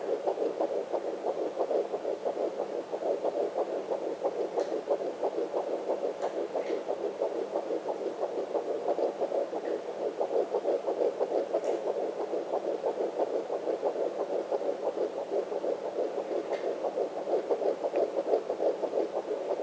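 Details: Fetal heartbeat of a baby boy on a home fetal Doppler, the probe about 1–2 inches above the pubic bone and moved right past the placenta; the heartbeat is fast, usually in the 170s bpm, with a very distinct sound.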